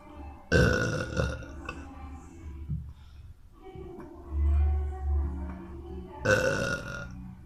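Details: Boy burping: two loud, drawn-out croaking burps separated by a pause, faint background noise.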